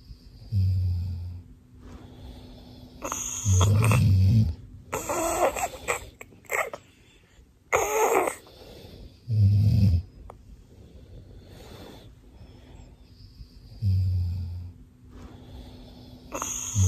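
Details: Baby playfully imitating father's snoring: deep, rumbling snores recur with quieter noisy snorts between them; mimicry, not real snoring.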